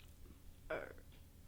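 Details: Woman deliberately producing a burp on request: a single short voiced burp.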